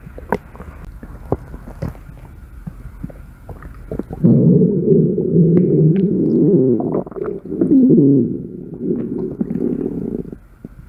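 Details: Soft clicks then a long, bubbling, gurgling rumble lasting several seconds: ordinary stomach growling (borborygmi) from gas and fluid moving through the gut.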